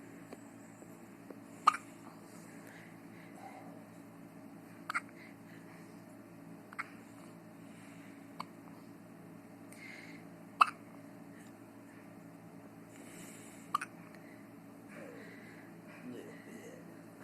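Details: About six sharp, brief hiccups at uneven intervals in a quiet room with low background hum; hiccups.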